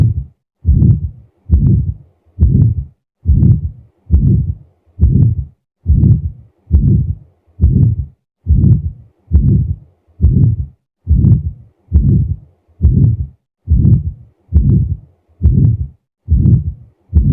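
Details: Aortic stenosis heard at the right base: regular heartbeat with a harsh, rising-then-falling whooshing murmur filling each beat.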